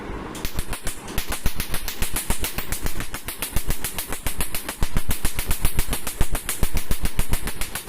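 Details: Rapid snapping laser pulses, under two a second, firing over the skin during permanent laser tattoo removal on an adult man; removal expected to need three to four sessions depending on ink depth.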